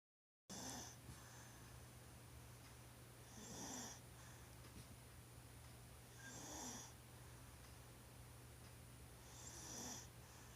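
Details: 1-year-old child snoring during sleep: soft, regular hissing breaths about 20 a minute, over a steady low hum; loud snoring for such a young child.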